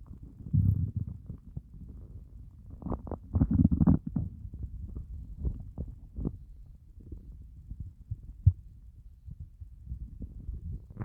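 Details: Stomach growling after a fast of more than 30 hours: low, groaning growls with gurgles and pops, loud and prolonged; hunger borborygmi, normal bowel sounds.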